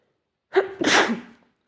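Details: A single ordinary sneeze: a short voiced intake followed by a sharp, forceful burst of air.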